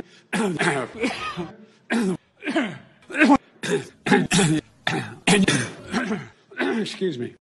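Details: A man coughing repeatedly, interspersed with "excuse me", in a compilation.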